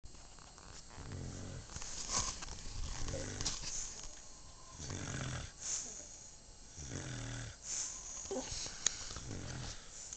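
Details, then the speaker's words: Adult woman snoring at 3 a.m. after denying she snored: repeated low, rattling snores on each breath with softer breathy exhalations between; ordinary snoring in sleep. "lady just told me she wasn't snoring. As you can hear, she's snoring. Three in the morning."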